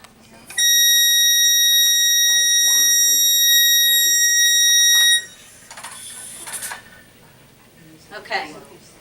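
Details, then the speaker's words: Oxygen blender supply alarm in a newborn respiratory distress teaching session: loud, steady high-pitched screech for about four and a half seconds, then stops; it sounds when a tank is not opened properly or runs out. "it makes a very loud screechy noise when either one of the tanks is not opened properly or one of the tanks runs out"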